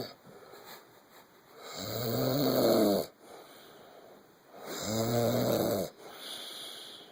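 Two loud, fluttering snores with a slightly whistling tone on each in-breath, over steady background hum; ordinary snoring.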